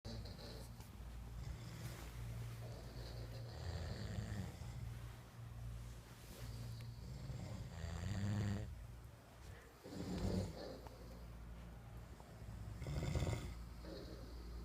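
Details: Four people snoring at once: several overlapping low, rumbling snores at different rhythms blending into a continuous drone with louder snorts; snoring.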